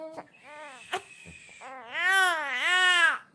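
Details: 68-day-old baby lying down, fed and changed, crying while falling asleep without being picked up: fussing, then rising and falling wails while settling; ordinary tired crying.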